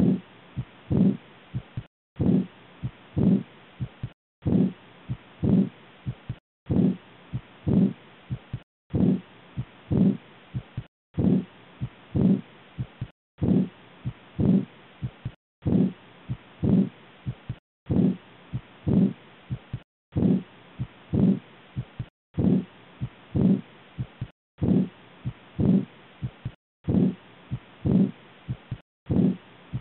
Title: Aortic insufficiency (AI) | aortic regurgitation (AR) sound auscultation by stethoscope